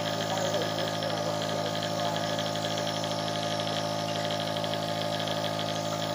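Steady mechanical hum and rattling buzz of a small compressor motor, a nebulizer running continuously.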